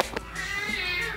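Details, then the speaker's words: Brief high-pitched wavering cry from a baby in the background, with faint music, heard while the speaker says they must go check on the baby. "as you can hear the baby's cry in the background so i will have to go see what leon is up to"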